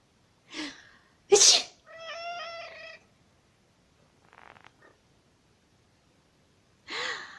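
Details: Sneeze.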